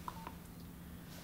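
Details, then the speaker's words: Two brief electronic beeps in a quiet room as the softkey is pressed to change preset energy on a corpuls1 defibrillator during a defibrillation tutorial; keypress tone. "To change the preset energy, we press the softkey"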